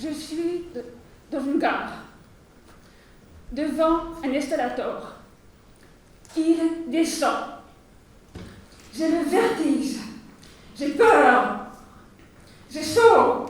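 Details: Adult woman who stutters, giving a French speech at a 2020 eloquence contest for people who stutter, with frequent pauses and blocks between words; stuttering.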